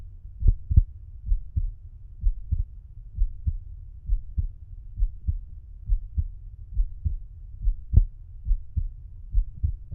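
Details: Adult male lying on his side, stethoscope bell at the mitral area/apex: regular low-pitched lub-dub heart sounds at about 70 beats a minute, normal.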